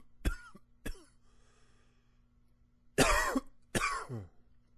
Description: It's a good coughing day :)